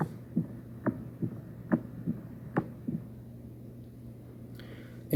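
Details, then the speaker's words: Mechanical aortic valve replacement heard in an MRCP station 3 cardiovascular examination: heart sounds about 70 a minute with a crisp metallic click coinciding with the second heart sound. Prosthetic valve disease goes with a midline sternotomy scar. "Artic valve replacement the click sound will coined with this2 concentrate and listen"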